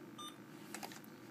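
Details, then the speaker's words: Short electronic beep and faint clicks from a PCA infusion pump during a nursing training demonstration, while the nurse presses clear history and confirms yes after reviewing the 12-hour shift totals with a second nurse. "you will now press clear history on the bottom of the screen press yes to clear the history"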